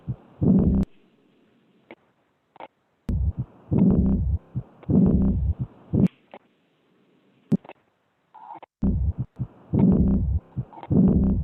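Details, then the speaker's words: Diastolic decrescendo murmur in a pediatric cardiology teaching session: heavy heart sounds with a harsh whooshing murmur after the second sound that tapers off, raising concern for aortic regurgitation. "so this is a diastolic murmur we also to be a little more precise we'll call this a diastolic decrescendo murmur"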